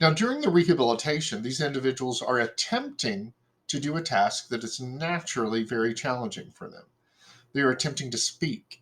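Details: Adult speaker; typical speech.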